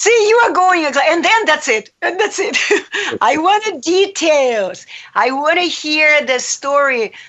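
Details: Adult woman speaking; Normal fluent speech.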